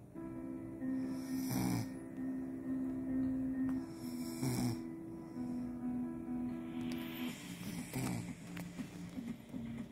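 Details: Person snoring while listening to a stand-up comedy recording: two or three rough snores over background music and speech.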